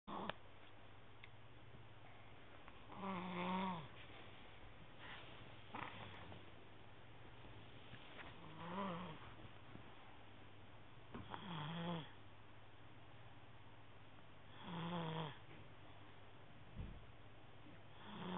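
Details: Four rattling, throaty inspiratory snores several seconds apart, about 13 per minute, over steady low room hum, recorded on a mobile phone: snoring.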